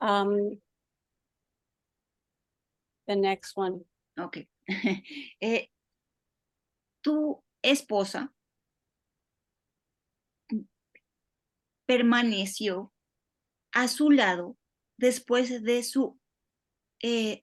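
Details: Adult man with aphasia after an ischemic stroke five years earlier, speaking haltingly with frequent pauses and fillers in an interview: aphasia after stroke.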